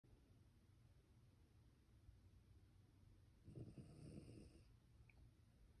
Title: Boxer Dog Emma, Sammy snoring after playtime